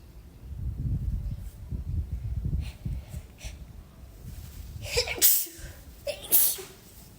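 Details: Breathy rustling and snuffling, then two sharp sneezes in quick succession, induced with help by tickling; ordinary sneezing.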